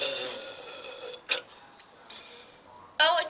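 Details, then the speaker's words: Deliberate burps during a burping challenge after drinking Coca-Cola: a short throaty burp near the middle and a loud raspy burp at the end over quiet room sound. "okay here we go uh this is gross i've never heard myself burp that before"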